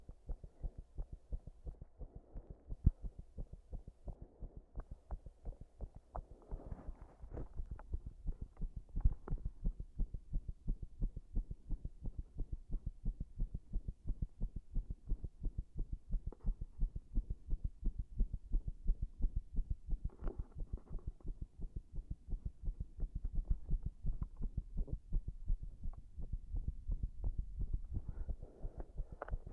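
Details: Heart sounds with arrhythmia brought on by chest compression: fast, low heart thumps with uneven spacing, irregular rhythm.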